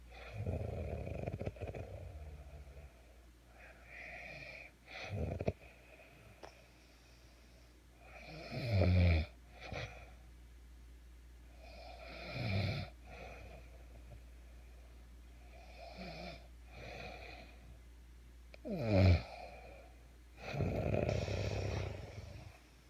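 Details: Loud, rattling snores from a very tired sleeper, recurring every few seconds at roughly 15 breaths a minute, over a steady low hum.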